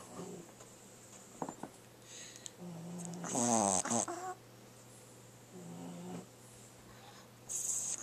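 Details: French bulldog puppy snoring heavily while asleep: snorting, whistling breaths with a rattling, fluttering snore about every three seconds.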